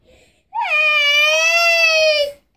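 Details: Infant girl crying, one sustained clear high-pitched wail of about two seconds with a steady tone; reason for crying unknown, possibly for attention.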